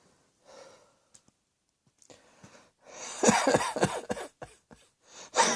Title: Cross Dressing Coughing 10